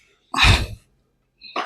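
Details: A single loud, abrupt burst of air with a breathy hiss, followed by a quieter sound, from a patient during a chiropractic adjustment session for PLID/sciatica: a sneeze.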